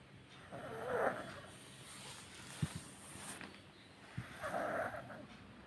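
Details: Pug puppy snoring: two soft, snorting breath sounds with a nasal rasp over background noise; snoring in a small flat-faced dog.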